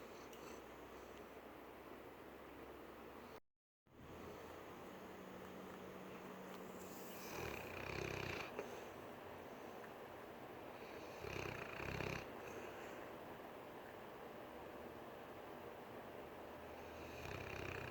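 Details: A sleeping female English Mastiff, which twitches and dreams nightly, gives a few loud, rough snorting snores over a steady hum of room noise: snoring.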